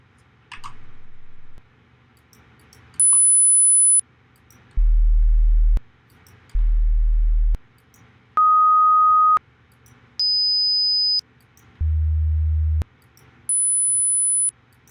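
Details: Student hearing test recording: a series of steady pure beeps at changing high and low pitches, separated by silences; hearing test tones.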